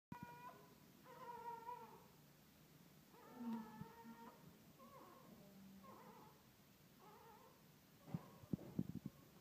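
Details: Thin, high-pitched wavering cries in short bursts with soft breaths between: a newborn's first cry after birth, normal.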